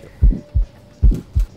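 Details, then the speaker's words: Simulated aortic stenosis on a Harvey cardiology mannequin: a soft systolic murmur between S1 and S2, heard at another chest area. "whenever you have a stethoscope on the patient's chest you need to have your fingers on the courted artery have a listen there and see if you can hear it radiating"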